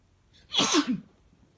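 A single strong sneeze: a sharp hissing burst followed by a short voiced 'choo', in a quiet room.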